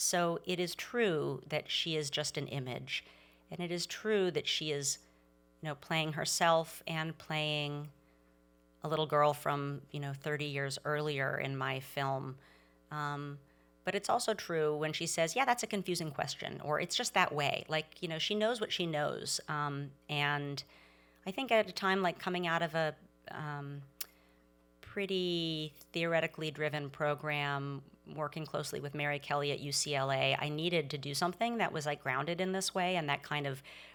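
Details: Adult woman speaking; ordinary speech.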